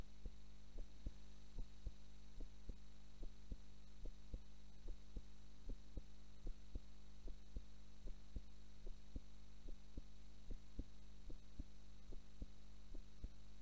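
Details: Normal heart sounds recorded during a nap while asleep: steady paired lub-dub beats at about 73 a minute, regular and clean, under a constant electrical hum.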